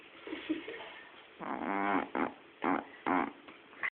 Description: Shih Tzu is Snoring very funny